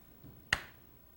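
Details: A single sharp click in a quiet room: one transcranial magnetic stimulation pulse from a coil positioned on a depression patient's head during motor threshold testing, producing a small involuntary twitch that confirms correct placement.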